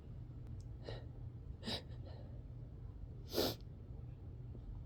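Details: Person's sneezes, stifled partway through out of frustration: soft hissy nasal bursts ending in one sharp sneeze over low room hum; sneezing.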